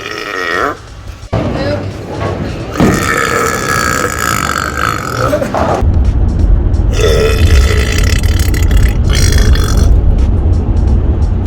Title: BIGGEST Burps... Pt. 1